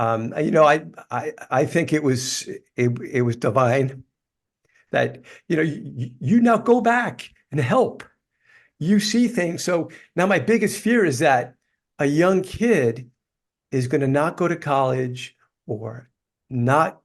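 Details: Adult man, life-long stutterer, describing his stuttering as a neurological condition that worsens when tired; stuttering.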